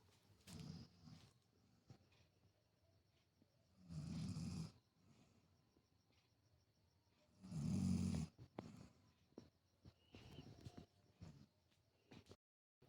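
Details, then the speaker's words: An older family member who sat down after a full day of work and fell asleep lying down, snoring. "ঘরে এসে দেখছি আরেকজন নাক ডাকছে বসেছিল বসে থাক ডাকতে শুয়ে পড়ে নাক ডাকতে শুরু করে দিয়েছে"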